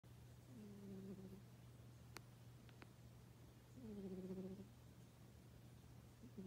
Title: Cat snoring